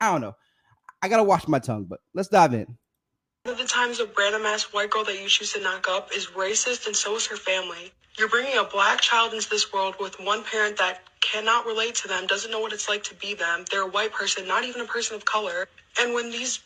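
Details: Adult speakers, brief low voice then a woman; normal speech.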